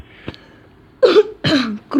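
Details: A faint click, then two loud, harsh coughs and the start of a third, a short coughing bout from a gamer recording commentary while playing an online game, who apologizes for coughing.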